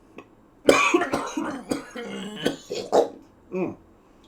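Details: Adult cooking steak who accidentally pepper-bombed himself gives a burst of harsh, repeated coughs with throat clearing, set off by pepper fumes; irritant cough.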